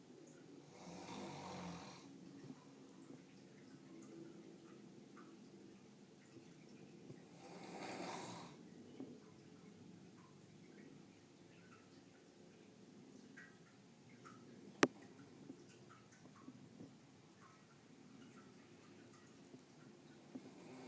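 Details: Two soft, breathy snores several seconds apart over quiet room noise, with a single sharp click, from a sleeper described as very loud. Light snoring.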